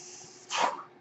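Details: Faint room hiss, then a short airy whoosh swelling and fading over about half a second from a podcaster's mechanical ventilator delivering a breath while he speaks; mechanical ventilator breath.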